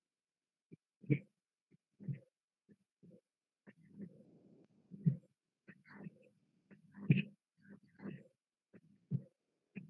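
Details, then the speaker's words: Audio of a patient with aortic valve regurgitation, played in a lecture: regular heart sounds near 60 a minute, with a soft, high-pitched blowing sound after some beats. This is an early diastolic aortic regurgitation murmur. "Enseguida vamos a reproducir un audio en el cual en pacientes con insuficiencia de la válvula órtica se escucha lo que es los soplos, ¿no? Que son soplos soplos con un tono alto, soplo deastólico precoz con tono alto."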